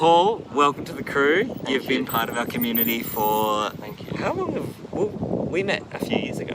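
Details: Adult male speaker; ordinary speech.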